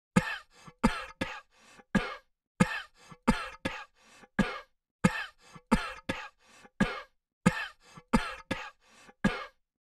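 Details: Woman's repeated short, sharp coughs in quick runs of three or four with brief pauses; cough sound effect.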